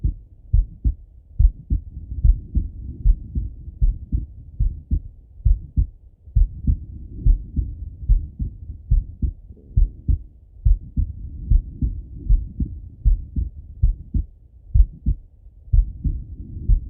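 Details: Male heartbeat through a stethoscope with the person lying on the left side; steady low thumping heart sounds at about 70 beats a minute.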